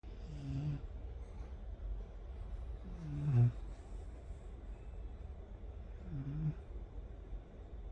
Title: The Snoring Dog🐕🐕